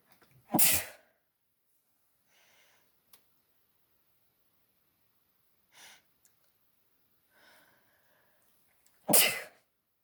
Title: allergy sneeze fit with noseblow